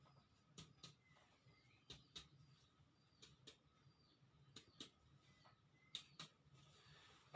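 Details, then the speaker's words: Chest percussion in a basic respiratory examination of a man, one hand as pad and other striking; five pairs of taps give equal resonant notes right and left: normal lungs. "dari pemirsa perkusi secara umum ini itu udah ditemukan bahwa punya dihasilkan antara sisi kanan dan Sisi kiri itu sama episode yang menyatakan bahwa paruh bapak itu normal"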